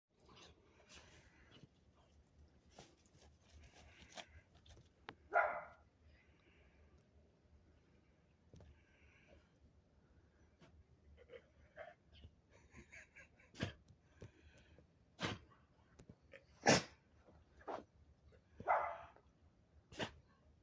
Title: DOGGY SNOW ANGELS plus down the wrong pipe w snow or leaves, cough cough 🐕